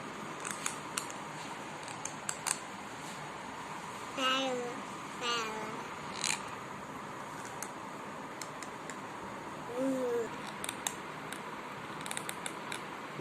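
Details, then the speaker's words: Child grinding teeth while being told to stop: sharp, irregular clicking and scraping in a quiet room, with a few brief vocal sounds; bruxism. "नहीं कटकटाओ। नहीं। नहीं करो। दांत नहीं कटकटाओ।"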